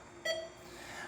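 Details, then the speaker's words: Single brief electronic start-up beep as a Vapotherm high-flow oxygen machine powers on when plugged in (it has no power button), followed by quiet room hum. "And so lastly, and the way that this machine is going to turn on, cuz there is no power button, is you're going to plug this in. You'll see that once we plug it in, this is going to start up."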